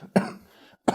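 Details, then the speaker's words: Ill adult man with a horrible headache, saying his cough sounds dry and painful: two short, harsh coughs with no mucus rattle; dry cough. "Do you know what the worst bit is? When you cough. And you can hear the dryness of the cough. Which means everyone can hear how much it hurts."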